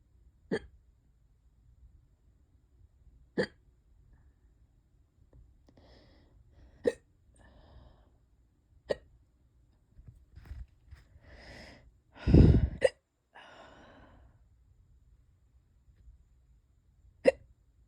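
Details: Five sharp, abrupt hiccups spaced a few seconds apart, with quiet breathing and a brief throat noise between; hiccups that have lasted hours and are worsening.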